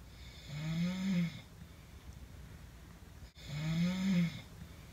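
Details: Two deep, rumbling snores on breathing in, with a quiet pause between them, from a roommate asleep; ordinary snoring.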